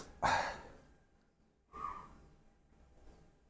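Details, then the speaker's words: Two short, harsh honking cough bursts from dogs with kennel cough, currently under medication, each fading quickly. "you you hear that coughing sound because of the kennel cough that I described. My dogs have it. They're under medication. So, please don't think somebody is coughing and dying over here. My dogs are coughing and they're fine."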